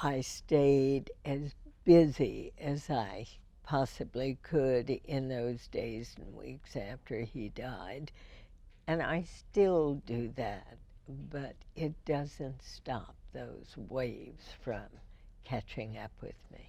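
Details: Adult female radio host first diagnosed with spasmodic dysphonia in 1998, treated every four months with botulinum toxin injections into the vocal cords; spasmodic dysphonia.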